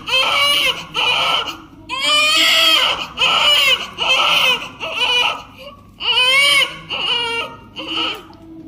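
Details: Strong, loud rhythmic crying in repeated bursts with short breaths between from a 4.3 kg newborn just delivered in hospital, described as hungry; newborn crying.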